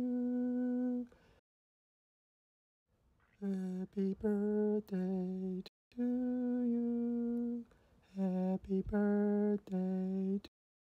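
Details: Adult singing softly; pitch breaks and voice onset delays on the vocal cord swell test.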